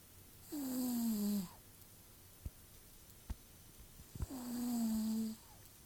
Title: Peppy snoring